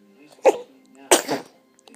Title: Baby Sneezes